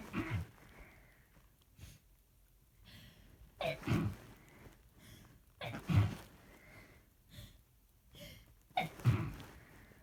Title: muffled rapid sneezing fit